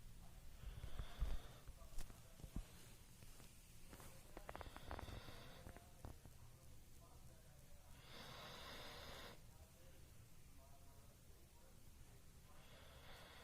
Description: Dog too snore while sleeping....